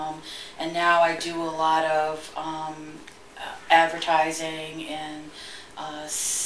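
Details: Adult woman who stutters and works in a school; stuttering.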